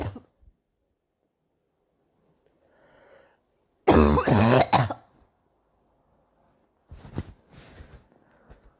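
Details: Girl coughing: one loud, harsh burst of two or three coughs, followed by softer coughing and throat sounds.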